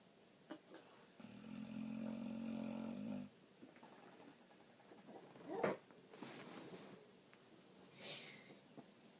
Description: Boxer snores like human